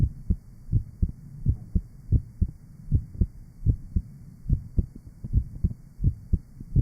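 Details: Real 1955 recording from a hospital heart sound laboratory of a patient with rheumatic heart disease and mitral valve disease, played back with EKG and respiration traces; heart sounds of rheumatic mitral valve disease.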